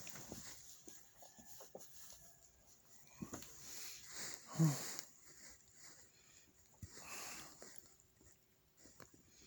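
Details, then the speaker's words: Adult cancer patient two days into chemotherapy, early pre-dawn hours, following hiccups the previous night: a few quiet, dry, non-productive cough bursts in a still room; dry cough. "good morning so as you see i am now dealing with this dry cough"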